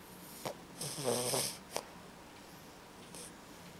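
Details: Beagle puppy snoring: a single rattling, vibrating breath with short snuffles on either side, then quiet.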